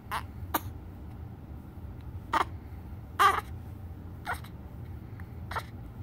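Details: 9-day-old infant with hiccups and crying: six short, abrupt throat bursts over about six seconds, roughly one a second.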